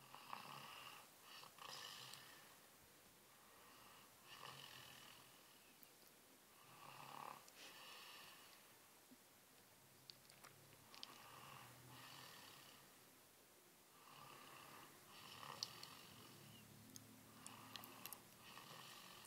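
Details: Quiet, airy, buzzing breath sounds recurring every few seconds in a small room with background noise; light snoring.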